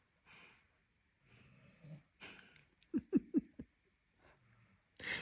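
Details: Jack, tired after an outing, snoring.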